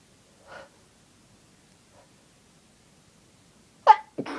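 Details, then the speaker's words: A faint sneeze-like burst, then a loud forceful sneeze with an audible intake and follow-on noise; itchy, uncontrollable sneezing fits from a person with a cold. "Oh God, some of these just sound so Achoo! Loud and horrible. It's cold sneezes and they are so itchy and so big that I can't stop Achoo! Coming out like that."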